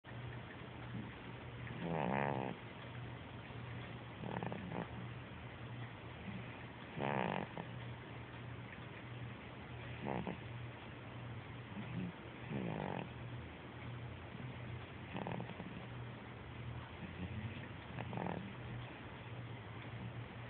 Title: Snores 4.18.11